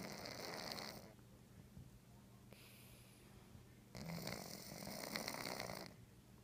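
Soft, rough breathing noises during sleep, each one lasting about two seconds with quiet pauses between; snoring in a sleeping cat.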